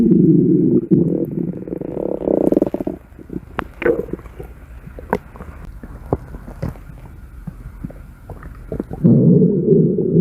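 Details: Red panda at feeding time: long low rumbling growls with gurgles and soft clicks between; ordinary stomach growling (borborygmi).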